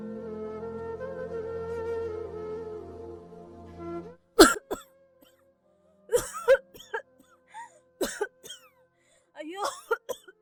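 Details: Soft music fades into a run of harsh, repeated coughs with strained groans between them, acted by an elderly mother in a skit; acted coughing.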